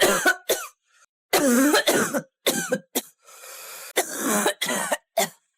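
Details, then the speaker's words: A child's repeated short dry coughs at night: a dry nocturnal cough, possibly an indirect sign of bronchial asthma, since night-time timing is typical of allergic coughs. "данный кашель может быть косвенным признаком бронхиальной астмы то есть для аллергических всяких кашле именно ночное время характерно"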